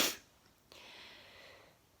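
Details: One sharp, forceful sneeze followed by a short hissing breath out in a quiet room, during a sneezing bout that started again indoors despite an air cleaner; the sneezer suspects tiredness.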